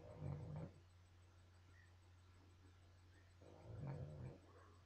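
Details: Two low, rough, rumbling snoring breaths about three seconds apart over steady room hum, from a sleeping animal whose species is not stated; snoring.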